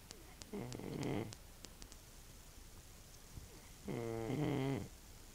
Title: Old man snores again